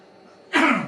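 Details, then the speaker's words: A train driver with a chest or lung problem coughing in the cab of a Class 390 train. "Excuse my cough. You will hear me cough during the video. I can't help that. I'm afraid I have a a chest problem."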